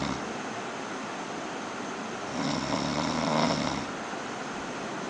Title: my friend's snoring